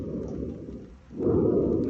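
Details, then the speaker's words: Harsh, hollow breaths with a brief gap and louder expiration while breathing through the mouth: physiological bronchial breathing, heard over the larynx, tracheal bifurcation, or the C7 and T3–T4 spinous processes. "отмечается в этих точках выслушиваться физиологическая бронхиальное дыхание которого не должно быть в местах выслушивания физиологического везикулярного дыхания"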